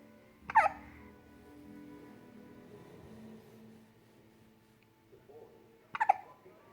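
Two brief, sharp hiccups about five seconds apart, with soft music in the background.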